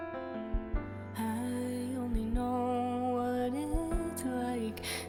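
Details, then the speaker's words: Recording of an adult musician's own heartbeat used as a song intro: soft paired heartbeat thumps, slow at roughly 35 to 40 a minute, under gentle tonal music. "ah i started the song off with a recording of my heartbeat because i could i just thought it fit the mood of the song so you'll hear the that's that's my actual bum ticker going"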